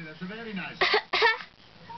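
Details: An infant gives two short, deliberate cough bursts after soft adult talk, a playful voluntary fake cough for the camera.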